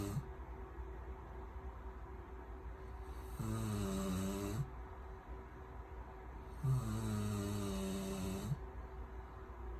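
Two long, loud, buzzing snores on breaths in, a few seconds apart, over steady room hum; snoring.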